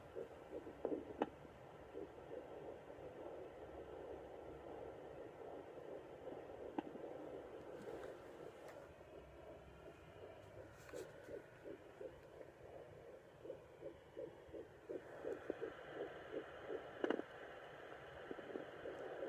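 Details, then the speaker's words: Fetal heartbeat at 10–11 weeks of pregnancy, picked up with a doppler pressed on the mother's abdomen: rapid, soft whooshing pulses at roughly 165 a minute, within the normal fast range. "So anyway, let me cut this short, because what I'm gonna try to do is actually put baby's heartbeat on."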